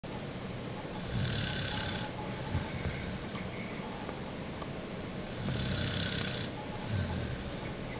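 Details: Female dog, a very heavy sleeper, snoring loudly in sleep: two rough, rattling inhales with a hissy edge in about eight seconds, against steady room noise.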